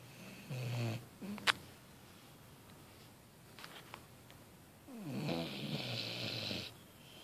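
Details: 6-month-old female Vizsla asleep after a beach workout, snoring: two low rattling snores separated by a quiet pause, with a brief snort between them.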